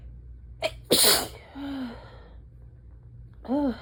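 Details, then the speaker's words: Single forceful adult sneeze just after waking on an early-fall morning with ragweed pollen, brief inhaled catch then short voiced exhale; it had been waited for, alongside morning barking asthma cough; sneeze. "And and I have to sneeze. And so I wait. And hope that it's not just going to be rude and tease me."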